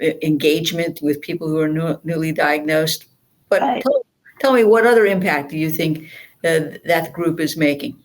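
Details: Adult speaker; normal speech.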